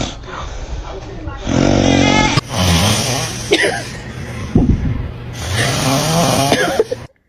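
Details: Baby reacting to dad snoring: loud, rough, rattling breathing in long drawn-out stretches with some background noise; snoring.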